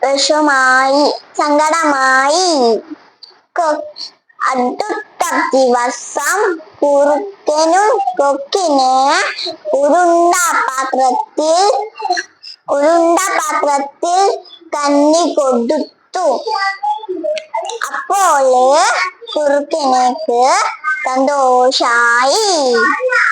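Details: Speech of a young girl born deaf who received a cochlear implant at one and a half years and still attends speech therapy; previously unable to speak in sentences.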